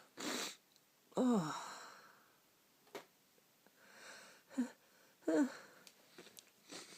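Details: Person with a cold, still sneezing: several short, sharp sneezes with sniffs and squeaky little breaths between them in a quiet room.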